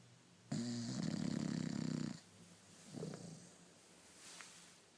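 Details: Snoring in a pet bulldog named Sofia: one long, loud rattling snore on a breath in, then quieter breathing noises in a small room.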